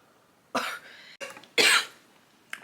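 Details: A short run of harsh, forceful, chaotic coughs from an adult right after inhaling cannabis smoke while doing makeup; an irritant cough.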